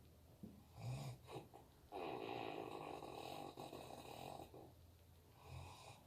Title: Husband snores like dinosaur